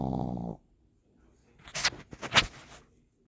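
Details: Snoring from a pug puppy.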